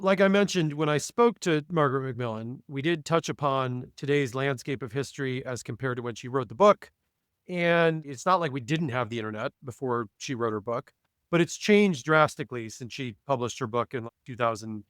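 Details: Adult male speaker; ordinary speech.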